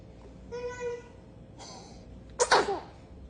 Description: Dad Burps Baby But Gets Shocked by Sudden Sneeze! 😂